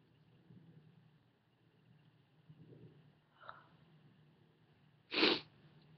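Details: Female induced sneezing: quiet breathy build-up breaths, then one loud sneeze.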